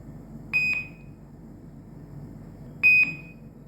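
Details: Syringe infusion pump (INFUSYS-S), demonstration: two short, high-pitched electronic beep pairs about two seconds apart as the bolus (set volume) completes and normal running infusion (8 ml VTBI at 5 ml/hour) begins.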